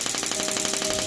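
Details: Heavy-duty shockwave therapy machine (HCD88990) for physiotherapy and chiropractic use, set to a 500-pulse count during a demonstration. Its handpiece fires rapid, steady, loud mechanical clicking pulses, about twelve a second.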